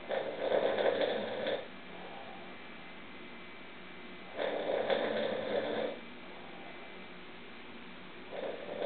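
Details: Rough, buzzing snores on each breath in, roughly every four seconds, about 15 breaths a minute; snoring.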